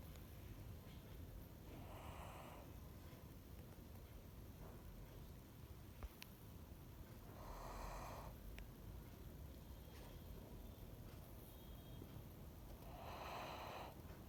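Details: Three soft, breathy snores spaced several seconds apart, said to sound like a human snoring, over steady background hiss.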